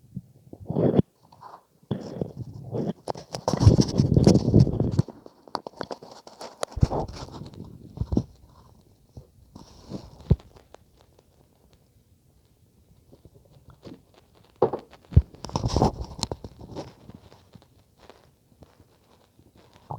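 Irregular low gurgles and rumbles separated by quiet pauses: normal bowel sounds from gut movement.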